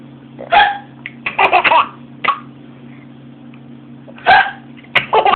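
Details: Hiccups in a laughing child: bursts of laughter broken by a few short, abrupt catches in the breath, with a steady hum behind.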